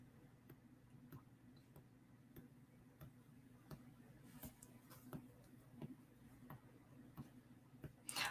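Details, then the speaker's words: Person with a mechanical heart valve, picked up incidentally by a recording microphone: regular, sharp ticking at about 90 per minute, the audible closing clicks of the mechanical valve. "you might be able to hear like with the mic that I have my heart I have a mechanical valve which makes my heartbeat extremely loud which makes filming videos very annoying because I can hear it and I don't"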